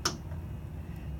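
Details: Deep transcranial magnetic stimulation demonstration while the coil is placed over the motor cortex to find the motor threshold: a single sharp click from one magnetic pulse over low room hum.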